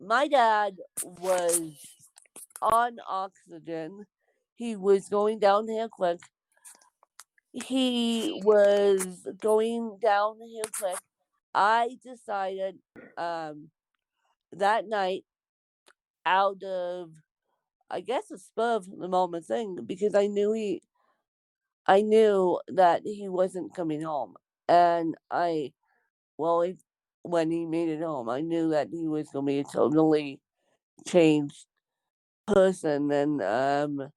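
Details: Dysarthric speech in an adult woman with congenital cerebral palsy (born with CP), real speech.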